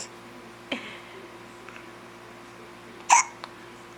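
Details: A mother and her young child both have hiccups: two short, sharp hiccup sounds about two seconds apart in a quiet room, with a faint smaller catch between them.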